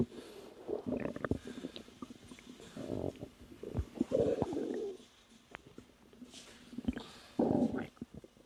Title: 3 month pregnant woman experience stomach growling while relaxing